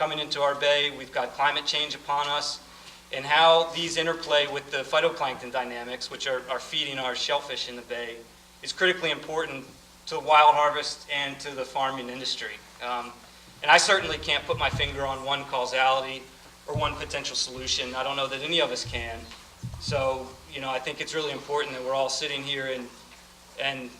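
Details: Adult man speaking; Normal voice.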